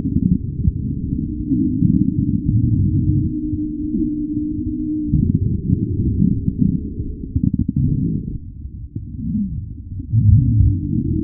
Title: Angry stomach growls, nonstop, churning hunger, tummy monster burps and bubbles, deep and steady